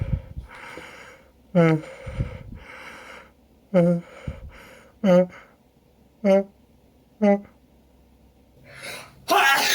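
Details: Person with apparent pollen allergy, itchy nose and eyes, untreated; repeated voiced gasping inhalations build into a loud sneeze burst: an allergic sneezing fit.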